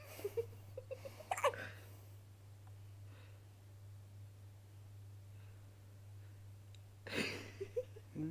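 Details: 6-day-old baby boy with a sudden attack of hiccups after a feed: short, sharp catching sounds in small bursts with quiet stretches between, over a steady background hum.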